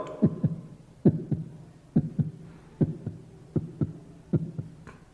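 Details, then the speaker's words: Voiced imitation of a heartbeat after running: paired lub-dub thumps at about 73 per minute, mimicking the faster heartbeat that follows exercise, in a school science lesson. "આપણે દોડીને આવીએ ને પછી આપણે જોઈએ તો આપણા હૃદયના ધબકારા જે છે ધપક થાય કેવી રીતના થાય હૃદયના ધબકારા જોજો"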